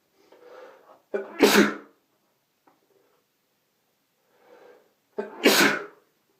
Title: 6 Sneezes (M)